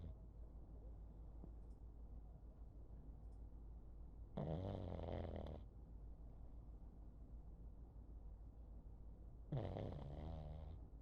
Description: While on his favorite chair, my little pug rests his little chin on his back leg and snores.